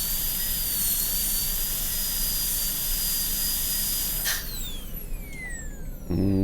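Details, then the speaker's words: A high-speed dental drill whines steadily, then winds down. It is cutting a Class II mesio-occlusal preparation on lower tooth 30 of a typodont in a demonstration, with the burr extending lingually beside the adjacent tooth to gain clearance. "Then I'm going to go lingually, just with the burr right next to the adjacent tooth, just nip out lingually until I get to a point where I think I'm going to have some clearance."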